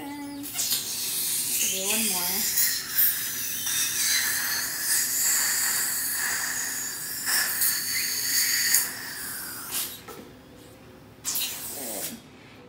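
Hissing spray and suction sounds that start and stop, with brief voices in a small room: dental instruments during a child's teeth cleaning.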